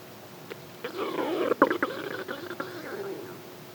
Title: Stomach growling (close up)